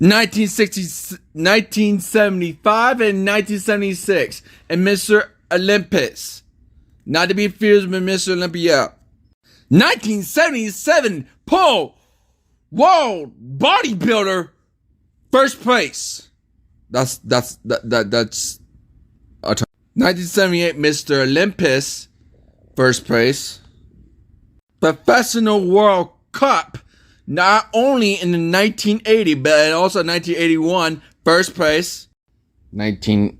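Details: Male narrator with an unspecified speech impediment since childhood; speech impediment with disfluencies.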